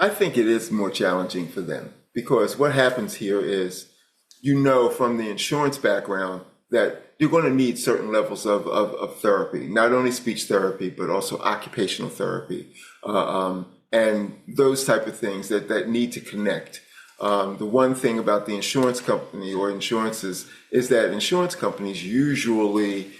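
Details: Adult male speaker; normal speech.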